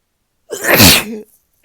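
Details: Morning sneeze on waking, possibly from being sick again: a single loud, explosive sneeze with a sharp hissing burst of air; sneezing.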